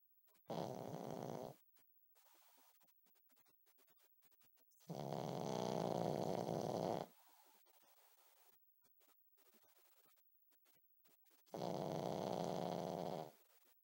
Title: Pug snoring